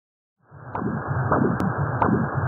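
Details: Transcranial Doppler recording of the middle cerebral artery: brief whooshing with short to-and-fro pulses. This is a reverberating back-flow pattern characteristic of cerebral circulatory arrest.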